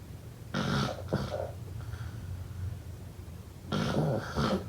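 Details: Snoring.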